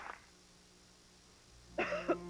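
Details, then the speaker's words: An acted cough from a 1987 cough-syrup commercial, by someone with a bad cough and a cold: a brief burst, a pause, then a couple of short, voiced, throaty coughs in a quiet room. "I have a bad cough and a cold."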